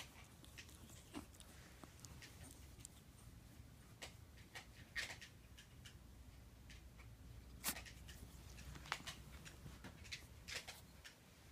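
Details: Ferret with heart disease and congestive heart failure, recorded February 2016, gives faint, short, dry coughing bursts against low room hum: cough in congestive heart failure.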